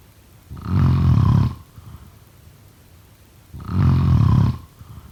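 Two deep, rattling snores about three seconds apart, roughly 20 breaths a minute, with quiet exhalations between them.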